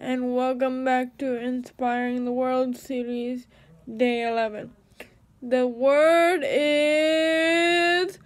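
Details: Dysarthric speech in a woman with cerebral palsy.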